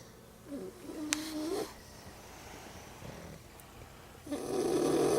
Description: 2yr. old Pug and 3 month old English Bulldog snoring.